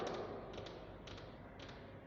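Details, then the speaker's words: Tapped imitation of a three-beat gallop rhythm (S3) at about 105 a minute, illustrating the gallop rhythm produced by left heart failure. "que no se olviden que la insuficiencia cardíaca izquierda me produce un ritmo que se llama ritmo de galope o también llamado ritmo de 3 tiempos."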